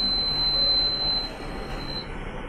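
A single sustained high-pitched electronic beep lasting about two seconds as a newborn incubator is switched on, with low room hum.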